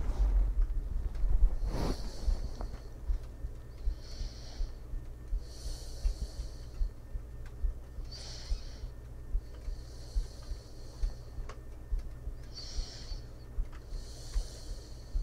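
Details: Real sleep recording of an adult woman made with a 3DIO binaural microphone beside her in bed. Soft, even breathing at about 14 breaths a minute, with gentle airy inhales and exhales over a low hum of computer noise.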